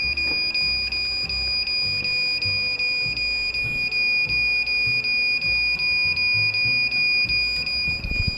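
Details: Cold plasma device beeping, which sounds only while the device tip is on: steady high-pitched beeping with a rapid ticking pulse over background noise, heard once the device was made to work.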